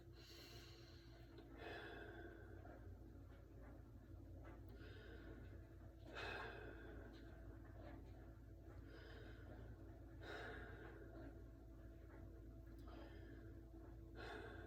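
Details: Normal breath sounds during a respiratory assessment: slow, deep breaths through a stethoscope, about four in fifteen seconds, soft and clear over a steady low hum.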